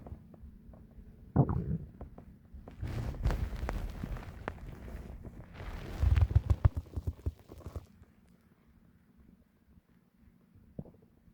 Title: Loud digestion stomach growling